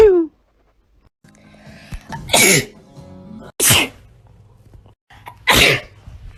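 Three sharp, explosive sneeze bursts, each with a brief intake before it, over faint background music.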